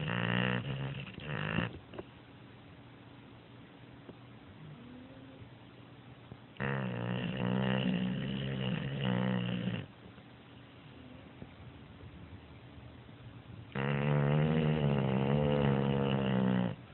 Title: snoring...